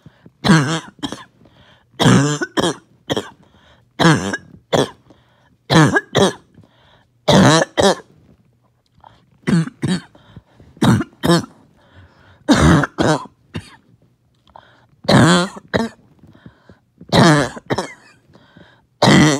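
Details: Repeated bursts of harsh, wet-sounding coughs in clusters of two or three with brief pauses; first coughing fit of the day, mucus would not come up.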